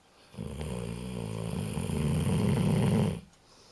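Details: 15-year-old dog snoring while asleep: a single long, low, rattling snore on an in-breath, in a quiet room.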